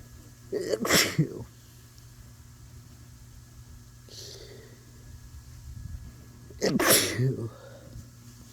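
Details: Person congested for days after exposure to flowers, inducing sneezes to clear the sinuses: two abrupt, forceful sneezes several seconds apart in a quiet room; sneezing.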